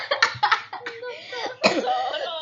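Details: Child playing at a gymnasium gives a short run of several quick coughs mixed with voiced, laugh-like sounds.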